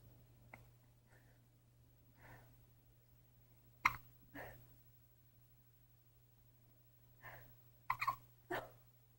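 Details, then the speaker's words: Short, sharp, irregular little catches, several in pairs, about ten in nine seconds in a quiet room; infant's first hiccups. "Mhm. Little rubber ducky. Little hiccups."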